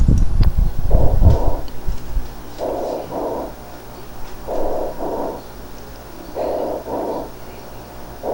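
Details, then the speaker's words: Chest auscultation teaching recording: harsh, hollow tubular (bronchial) breath sounds, with paired inspiratory and expiratory blowing, heard over areas surrounding an active pneumonic process. "entonces este soplo tú baricco que escuchamos en las áreas circundantes a donde está todavía el proceso neumónico activo nuevamente lo escuchamos así"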